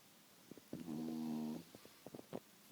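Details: Beagle dog snoring loudly while asleep: one long, buzzing, tonal snore under a second, with soft snuffling breaths on either side; snoring.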